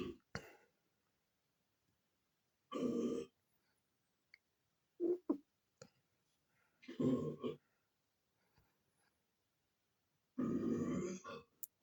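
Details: Comedic playback of loud burping effects at home: several loud, low, rumbling burps separated by pauses in a quiet room; repeated belching.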